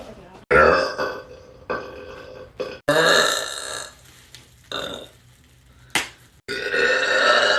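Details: Several loud, long, rumbling burps with short pauses; repeated burping.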